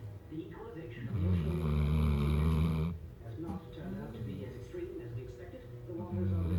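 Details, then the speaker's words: Big black puppy (dog) snoring in sleep: low rumbling snore with a long loud snorting breath in the middle and quieter rattling breaths around it. "He's snoring. Choopy."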